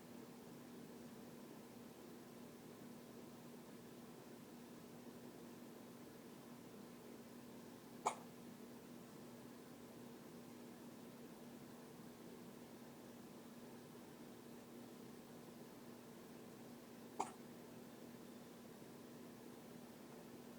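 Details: A child's hiccups: two sharp, brief hiccup sounds about nine seconds apart over a steady background hum.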